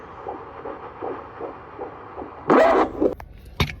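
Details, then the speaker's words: Fast, regular whooshing fetal heartbeat on Doppler at about 150 a minute, at a 7-month prenatal visit in a first pregnancy, then a brief thump as the baby kicks; normal fetal heart rate. "So you see my baby's heartbeat is good. And then at some point when he was checking it, the baby kicked, boom."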